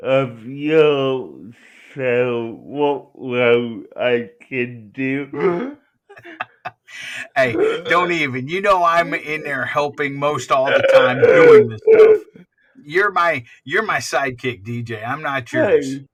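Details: Young adult man with cerebral palsy who uses a wheelchair; dysarthria due to cerebral palsy.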